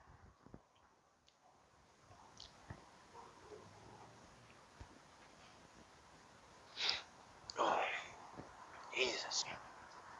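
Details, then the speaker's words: Person sneezing on others as a prank, sneezing a little into his hand: a few sharp, hissing bursts of air in quick succession in a quiet room; sneezing. "Come on, buddy. I just sneezed in my hand a little."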